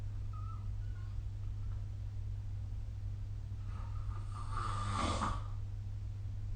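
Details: Snoring during sleep recorded with the SnoreLab phone app: one rough, rattling snore on an in-breath against a steady low room hum.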